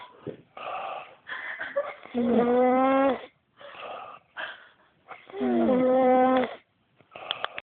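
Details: Ordinary snoring: loud rhythmic snores with a rattling, voiced quality on each inward breath, about 18 breaths a minute.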